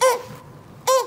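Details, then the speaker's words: Adult imitating his past cough during an illness with a very inflamed throat: two brief high squealing honks, a strange dog-like barking cough with a squeal. Finding: barking cough with squeal. "Y una tos, pero esa tos como... Así, como de perro rara. Pero era con un chillido."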